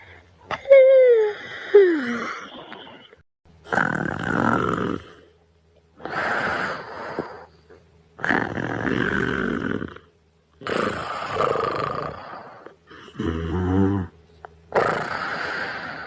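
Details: Boyfriend yawns, then falls asleep at night; six slow rasping breaths about every two seconds, rough and fluttering on each; snoring during sleep.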